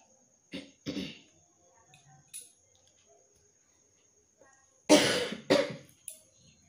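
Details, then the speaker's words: Intermittent cough in a person who reports an intensely tickly, itchy throat and a cough that comes only now and then: several short, dry cough bursts in two small clusters with quiet gaps, in a small quiet room. "মাঝে মধ্যে এমন কাশি বেরোচ্ছে কি বলবো, এটা সবসময় বেরোচ্ছে না, মাঝে মধ্যেই বেরোচ্ছে।"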